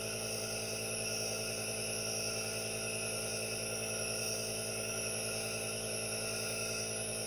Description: ASMR NO TALKING | aerosol nebulizer calming white noise and hypnotizing vapors, with hand movements for your relaxation